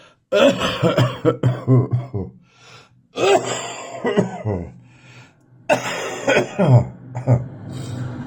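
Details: Adult's morning cough with spitting: three bouts of harsh, rattling coughs with throat clearing, a wet, productive cough.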